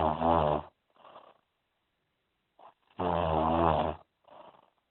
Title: Snoring Video With Remedies